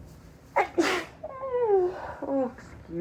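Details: A quick in-breath, then one sharp explosive sneeze and a brief high-pitched voiced sound, from a woman with allergies deliberately making her sneezes higher-pitched than natural.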